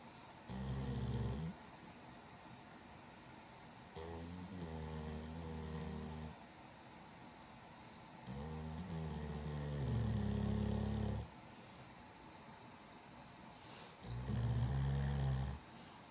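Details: A Pitbull dog snoring: loud, rumbling snores, four long bursts over sixteen seconds, about one every four seconds, with quiet gaps between them.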